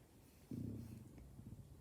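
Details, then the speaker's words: Stomach rumbling heard in the background near lunchtime: a sudden low, gurgling growl rolling on for over a second in a quiet room (borborygmi). "you can hear my stomach rambling in the background I apologize it's almost lunch time"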